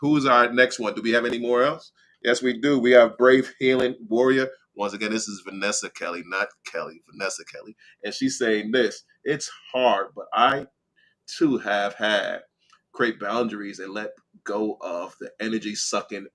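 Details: Adult man with slurred speech after a stroke in September 2015, which also caused aphasia and short-term memory loss; dysarthria.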